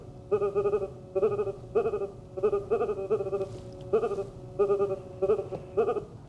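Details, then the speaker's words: Sonified EEG brain waves from a patient during an epileptic seizure, in contrast to background alpha activity around 10 Hz without seizure: repeated bursts of bleating, tonal pulses marking seizure activity. "it's pretty simple right and so this is one brain weed seizure"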